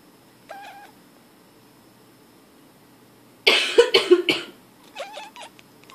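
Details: An adult woman gives a quick run of about four harsh coughs, and a cat meows before and after, seeming to respond to each cough.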